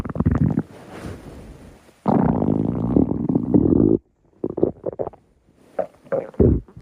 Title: stomach growl